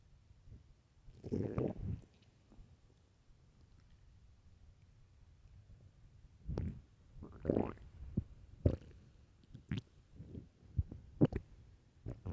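Low gurgling rumbles and small pops in a quiet room, the ordinary stomach growling of hunger.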